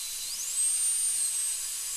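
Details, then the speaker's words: High-speed dental handpiece slowly cutting an old amalgam filling down to its white liner on tooth number two, a decayed, cracked upper second molar, under a rubber dam before a porcelain crown. Steady rising high-pitched whine with spray hiss. "basically this is just an exercise and just going nice and slow and uh if you see a liner you can just take it right down to that liner"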